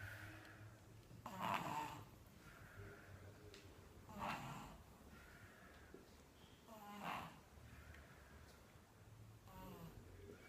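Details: Infant snoring: four rattly snoring breaths at a steady pace, about 21 a minute, in a quiet room.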